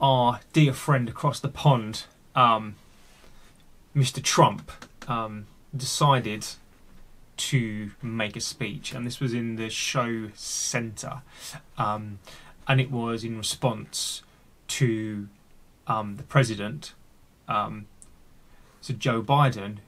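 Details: Adult male who has a stammer and has had speech therapy, with disfluencies and filler "um"; stuttering.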